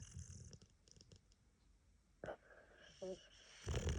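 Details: Loud snoring from a boxer dog with a head cold; owner says it's not normally that bad.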